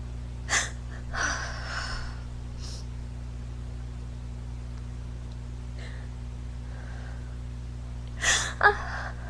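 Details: Several sharp sneezes with quick inhaled gasps between them over a steady low room hum; a sneezing fit in a drag performer during quarantine, possibly from allergies.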